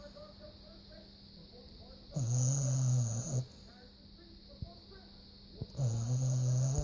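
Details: Zoe, a small dog, sleeping: two low, droning snores each lasting over a second, with a steady background hum; snoring.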